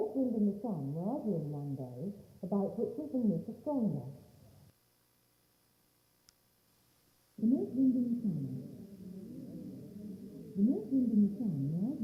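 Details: Simulated high-frequency hearing loss, with noise added, applied to a spoken reading of "The North Wind and the Sun" to show how hearing impairment degrades speech.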